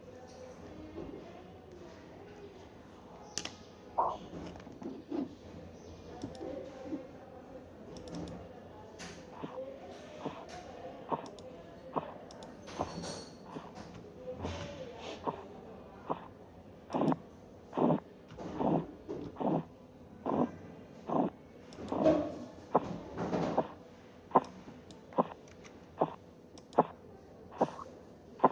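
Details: Korotkoff sounds persisting to zero (very low diastolic pressure).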